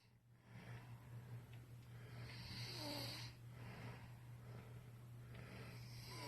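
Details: Young son deeply asleep, snoring heavily and unable to be woken: low rumbling snore with a snorting catch on the in-breath over steady room hum; snoring.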